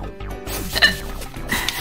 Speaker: also I have the hiccups I don't know if this game is just messing with my breathing I think it is I think it's messing with my breathing